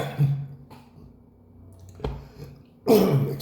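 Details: Adult with a hoarse voice since waking gives a few rough, throaty coughs and throat-clearing sounds, spaced across a few seconds; cough.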